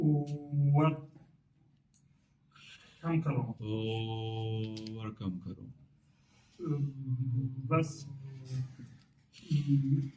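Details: Adult male stuttering-course participant, who had a fairly significant stammer on arrival, now speaking about 90% fluently using fluency-shaping technique (prolonged, slow speech); stuttering with fluency-shaping technique.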